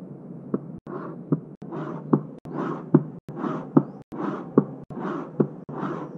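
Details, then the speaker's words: Cardboard-box imitation of the early diastolic murmur of aortic regurgitation, a high-pitched decrescendo murmur: an imitated heartbeat at about 73 a minute, each beat trailed by a fading whooshing murmur. "early diastolic murmur in aortic regurgitation begins with a - it's a decrescendo murmur and a high-pitched murmur"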